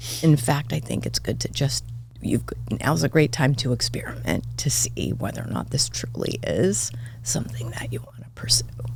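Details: Adult woman diagnosed this year with spasmodic dysphonia; vocal cord spasms make her voice cut in and out, sometimes hoarse; she attributes it partly to voice overuse as a podcast host and to stress; real, occurring during interview; spasmodic dysphonia.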